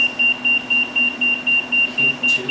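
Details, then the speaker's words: Rapid, steady high-pitched beeps, about four per second: high-pressure alarm of a high-frequency oscillator ventilator when circuit pressure exceeds 50 cmH2O, dumping pressure through the dump valve and stopping the piston; causes named include secretions and water. "it dumps all that pressure to this dump valve and it stops the Piston okay and you're going to get a high pressure alarm"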